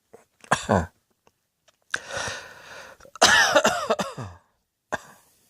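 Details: Adult gives three forceful coughs, each with a harsh, voiced tail, in a quiet room.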